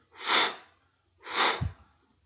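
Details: Spoken auscultation teaching: two breathy hissing bursts that swell and fade, a voiced imitation of a crescendo-decrescendo mid-systolic ejection murmur.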